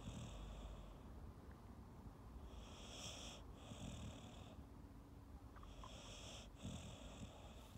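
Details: Soft, quiet snoring breaths from a sleeping, tired Staffy Ridgeback rescue dog, female, born 2012, with faint hissing between them; ordinary gentle snore.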